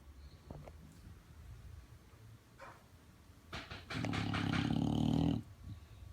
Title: Very loud snore